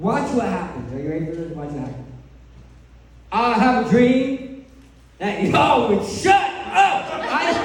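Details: Adult male who lost 80% of his tongue to cancer, now with a permanent speech impediment; articulation impairment after partial glossectomy.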